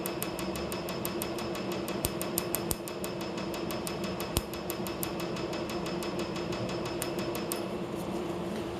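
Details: First tattoo removal session, laser speed raised to the base treatment rate for a new tattoo; rapid, regular sharp clicks over a steady room hum as the laser fires pulse after pulse. Patient says the pain is similar to getting tattooed.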